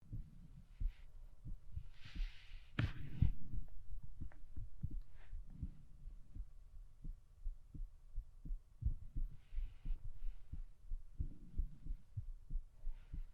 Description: A woman uses a stethoscope to listen to her own heartbeat.